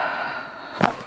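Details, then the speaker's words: A loud crack of thoracic spine joint cavitation in a woman during a chiropractic mid-back adjustment, done on a deep breath out; she then reports a huge release in the mid-back. "oh my God Dr clar I've never had that one done before Oh my God I know that felt so good a huge release in the midback super oh my God amazing"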